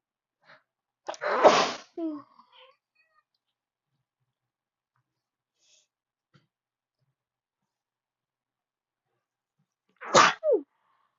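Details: A person at a desk in a desperate sneezing fit: two sharp, forceful sneezes several seconds apart, each with a quick intake before the burst, in a quiet room.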